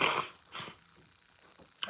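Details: Adult man who says he is still sick, sneezing: sharp, hissy bursts of breath expelled through the nose and mouth in a small quiet room.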